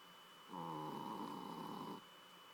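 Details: Loud inhaled snoring from a sleeping adopted female dog, one drawn-out vibrating snore over a steady faint background tone; loud enough to keep the owner awake; snoring.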